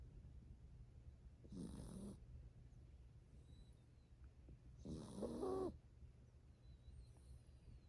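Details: Light snoring in a 7-year-old toy poodle asleep on a lap: two soft, whistling snores a few seconds apart, with faint birdsong outside.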